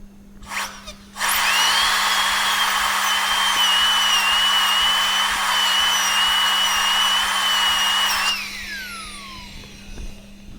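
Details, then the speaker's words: Steady high-pitched whine of a high-speed dental drill for about seven seconds, then winding down, straight fissure bur (number 245 bur advised) in class 1 cavity preparation on maxillary premolar tooth 14: dental drill. "I am using a straight fissure burr, so my cavity is becoming little wider, but then when you use it, you have to use it number 245 burr."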